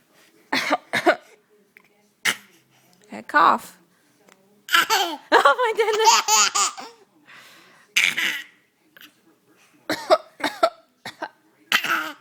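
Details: Infant learning to mimic coughing: short, deliberate imitation coughs mixed with bursts of giggling laughter; voluntary, imitated cough.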